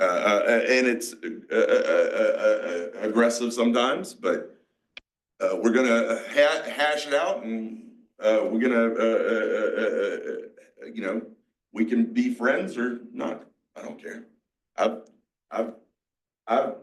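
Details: 47-year-old man with aphasia, a mix of Broca's and Wernicke's, after a massive stroke 6 years ago; he had to relearn to talk after the stroke.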